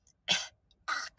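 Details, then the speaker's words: An adult imitates a female patient's mild dry cough as two short, airy coughs. Lungs clear on exam; no fever or aches; poor appetite; treated with cough medicine and an antibiotic. "So the only symptom that she has is this little cough. And it sounds like this."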